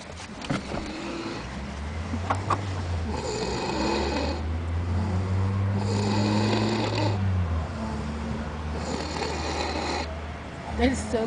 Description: Tifa snoring after new years